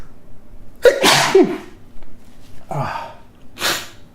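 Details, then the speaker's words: Two loud, explosive sneezes with sharp intakes of breath beforehand, then a softer burst, in a quiet room. "oh oh excuse me ah i felt good"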